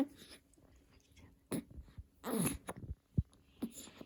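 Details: Hiccups in a 2-month-old baby boy: a few short, sharp catches in the breathing in a quiet room.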